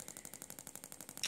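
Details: Shockmaster 300 Gymna radial shockwave, 20 mm head, 1.6 bar, 12 Hz, gel, on the back of the thigh for grade 2 cellulite, first technique: rapid, even clicking pulses, about twelve a second, as the device fires.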